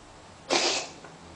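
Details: Cat's cough: a single short, harsh, hissing burst; owner does not know the cause and asks about the symptom.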